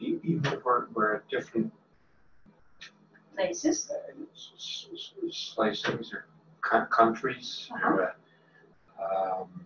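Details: Progressive non-fluent aphasia associated with frontotemporal dementia, presented as a typical example; agrammatical, effortful speech with trouble on pronouns and prepositions, single-word comprehension intact; non-fluent variant primary progressive aphasia.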